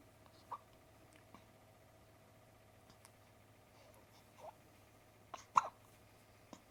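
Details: One-week-old newborn with hiccups: soft, brief catch-like sounds at irregular intervals over a steady room hum; hiccups.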